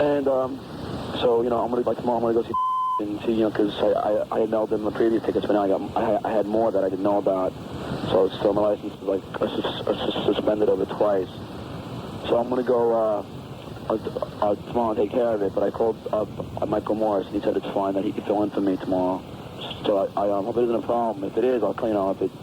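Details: Adult man with a known stutter leaving an answering-machine message; real; the hosts call it possibly his worst stuttering episode ever, with repetitions and disorganized, hard-to-follow delivery; stuttering.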